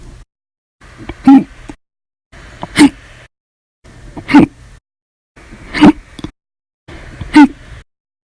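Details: Hiccups after eating and drinking soda, in a bout lasting 13 hours 32 minutes: five abrupt, forceful catch sounds about every 1.5 seconds, each with a brief gulping voiced burst.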